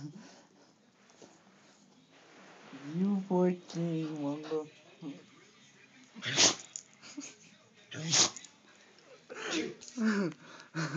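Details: Male dog that had been sneezing for minutes sneezes sharply and explosively several times over about eleven seconds, with whining and a person talking; repeated sneezing.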